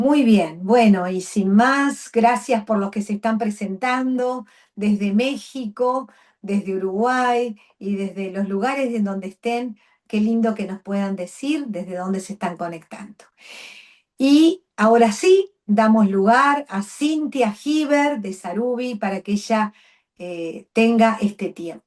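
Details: Adult woman speaking Spanish; Fluent speech.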